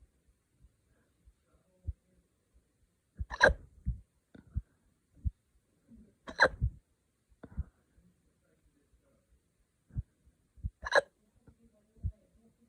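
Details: Three sharp, abrupt hiccups with short throaty catches between them at irregular intervals, from an adult after drinking wine too fast: hiccups.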